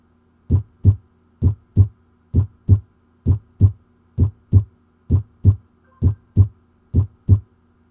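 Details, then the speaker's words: Teaching demonstration of heart sounds: regular paired lub-dub beats at about 65 per minute, S1 as "lub" and S2 as "dub", with a faint steady hum behind; normal first and second heart sounds. "The S1 heart sound is usually described as sounding like the word lub, and the S2 heart sound, dub. Let's put the heart sounds in so you can appreciate this"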